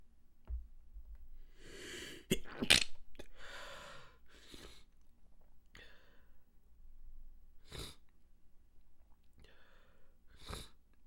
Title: More Stifled Sneezes and Congested Sinuses